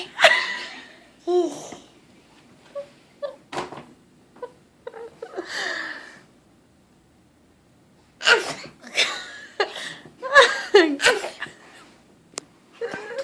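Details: Several sudden, explosive sneezes, with laughter and voices between them in a small room.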